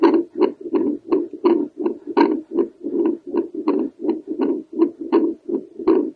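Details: Doppler recording of a woman's own heartbeat over the tricuspid valve area: rhythmic whooshing pulses of blood flow, about 80 to 85 a minute, in a regular pattern.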